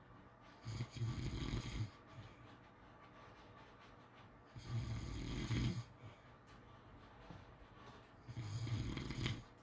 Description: ASMR snoring sounds to sleep well